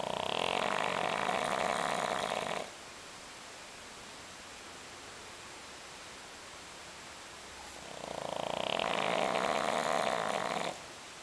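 Two long, rattling snores separated by a quiet pause of about five seconds; loud fluttering snoring typical of a flat-faced dog.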